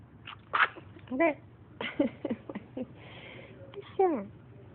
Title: Baby sneezed